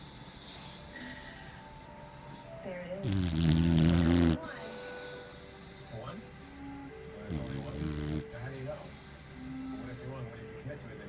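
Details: Loud, rough rumbling snores with quieter noisy breaths between, from a sleeping white Boxer dog, over background talk and music; snoring.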